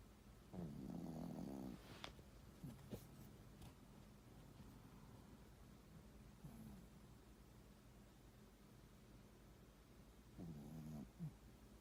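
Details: Small sleeping dog snoring: two rattling snores about ten seconds apart, with quiet breathing between them.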